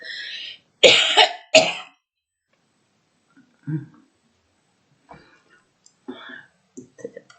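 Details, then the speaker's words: Woman who says she is ill, coughing while reciting poetry in French: a short burst of three harsh coughs with throat clearing, then quiet breaths and soft mouth sounds; cough from a respiratory illness. "Excusez-moi, c'est pas de bol, je suis malade là."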